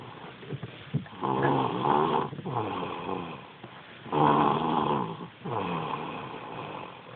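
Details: 3-year-old girl asleep: loud, rough, vibrating snores on each breath, about 20 breaths a minute; heavy snoring in a child.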